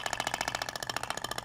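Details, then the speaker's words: Thork shock wave therapy applicator held at 90° on the abdomen, moved in zigzag, 2000 shots; rapid, even tapping pulses at about fifteen per second as tissue visibly vibrates. "o disparo eles ocorrem distribuindo de forma lenta e aí e aí é interessante que você consegue visualizar a propagação da onda você vê que até o tecido vibra né"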